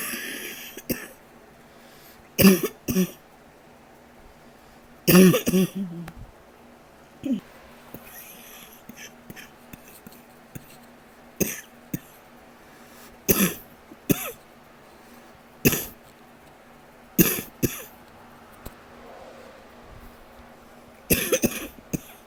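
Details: Nighttime cough while trying to stay as quiet as possible: about a dozen short, muffled, held-back coughs over twenty seconds, a nocturnal cough.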